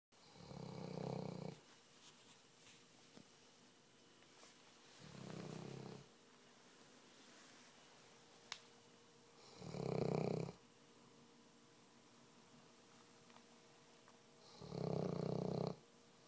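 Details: Big dog snoring while asleep: four slow rumbling snores about every five seconds in a quiet room, roughly 12 breaths a minute.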